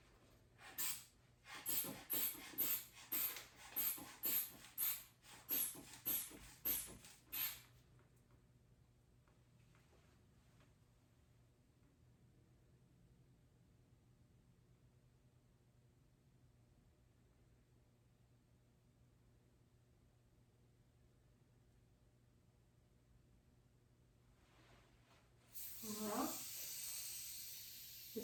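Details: Blood pressure cuff inflation and deflation during an orthostatic vitals check on a seated patient who reports no dizziness or lightheadedness; pulse 70, reading about 110/76.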